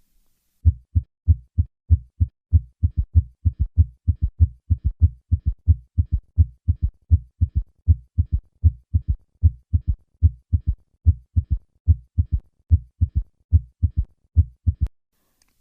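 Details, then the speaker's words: Summation gallop with a heart rate slowing below 90 beats per minute, revealing an underlying third heart sound. "some patients with a summation gallop may have only a third heart sound or only a fourth heart sound when the heart rate falls below 90 beats per minute listen as the heart rate of a patient with a summation gallop decreases to reveal an underlying third heart"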